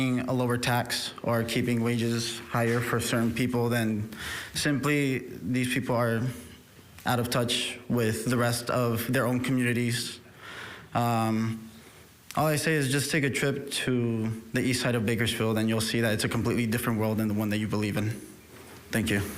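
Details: Adult man speaking; normal voice.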